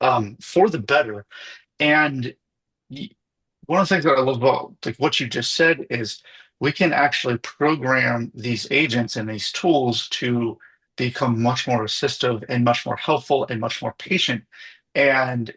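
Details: Adult male speaker; typical speech.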